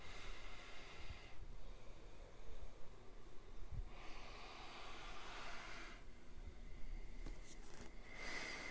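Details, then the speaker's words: Soft airflow hiss rising and falling with slow breaths through a mask on a ResMed AirMini travel CPAP at full pressure; exhalation is slightly louder than usual CPAP breathing. "that's at full pressure if you get right up here you kind of hear the exhalation it's i would say just a little bit louder than adorable uh cpap breathing but not significant in my opinion"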